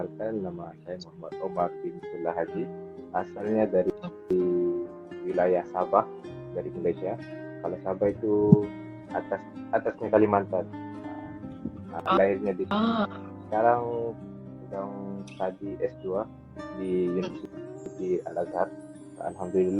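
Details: Adult male speaker; normal speech.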